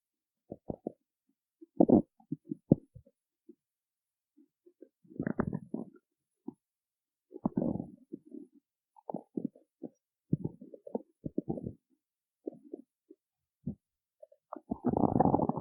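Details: Performer who skipped eating before performing and is described as starving: irregular low gurgles and rumbles with quiet gaps; normal stomach growling (borborygmi) from hunger.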